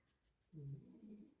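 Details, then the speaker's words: Sleeping female dog, twitching and dreaming in the corner, gives one low, rumbling, slightly tonal snore after a moment of quiet room noise. "Oh, sorry about that noise. Dog's snoring. She's actually snoring."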